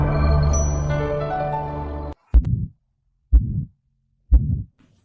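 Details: Three slow heartbeats, each followed by a harsh rushing crescendo-decrescendo systolic ejection murmur at the right upper sternal border (2nd intercostal space): aortic stenosis.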